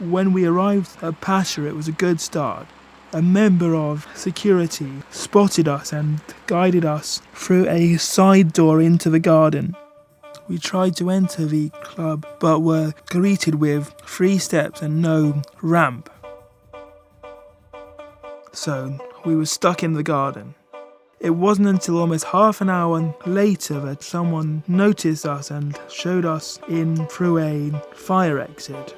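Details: Man with cerebral palsy affecting his movement and speech, a wheelchair user; dysarthria (cerebral palsy).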